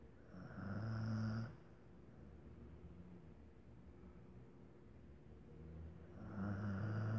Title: Roncando